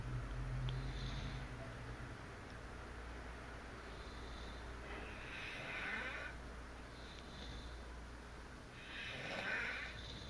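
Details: Sleeping parents, both known in the family for very loud snoring: slow, rough breathing with snorting on several breaths over a low, steady room hum.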